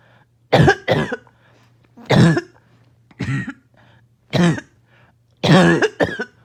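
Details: Choking, barking cough, started by an itchy nose and throat.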